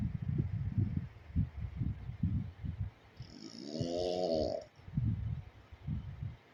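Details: Sleeping pug dog snoring: low, rough, rattling snores, broken once by a brief high whistling squeak on one breath.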